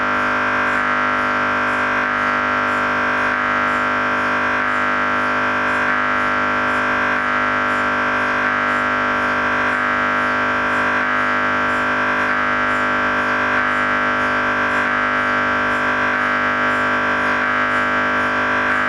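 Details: MRI scanner noise while running: a loud, continuous buzzing hum with rapid, regular knocking pulses.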